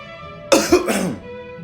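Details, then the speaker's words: Acted cough in a comedy sketch, a patient coughing on a doctor's request: one forced cough with two bursts over music, which the doctor mistakes for a sneeze. "you bless you doctor I'm not sneezing I'm coughing like you asked me to do"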